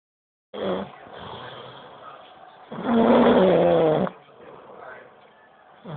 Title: Loud snoring